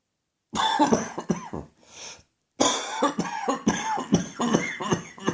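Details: Morning coughing fit from an adult whose cough won't go away: a run of repeated harsh coughs with brief gasping breaths between bursts; a persistent coughing fit.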